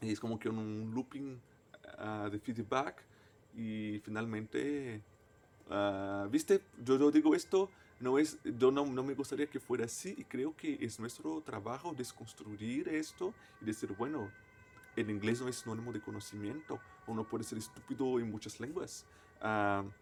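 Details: Stuttering in an adult man, a native Portuguese speaker, speaking Spanish as a foreign language.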